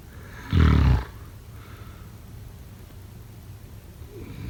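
One loud, rough, low-pitched snort lasting about half a second, then quiet breathing with a faint start of another breath: a single snore.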